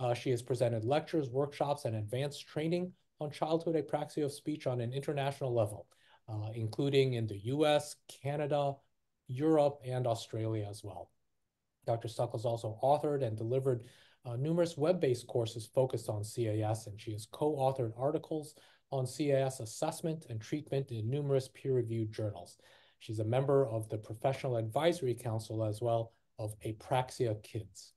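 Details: Adult male speaker; Typical adult speech.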